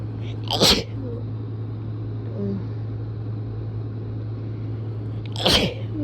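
Two sharp, forceful sneezes a few seconds apart over a steady low hum.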